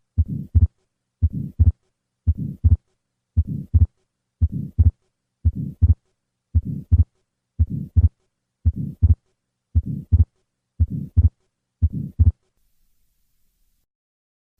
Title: Atrial Septal Defect